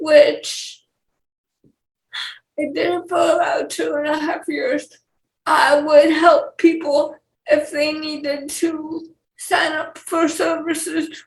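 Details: Dysarthric speech in a 28-year-old woman with cerebral palsy and speech issues.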